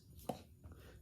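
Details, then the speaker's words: A single sharp pop, like a knuckle crack, as a hip is wiggled through its range: hip joint pop. "Uh and then all of a sudden you get out and do whatever exercise you do or you just kind of give it a little wiggle and then it pops."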